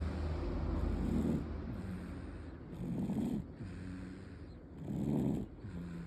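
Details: Soft, rhythmic snoring with each breath, about 30 breaths a minute, from a sleeping baby boy; infant snoring, parent asks whether it is normal.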